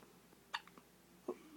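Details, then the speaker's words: Hiccups: two short, abrupt catching sounds about three-quarters of a second apart over faint room noise. "oh you got your ugly hiccups hello oh boy who's the guy tongue out for him"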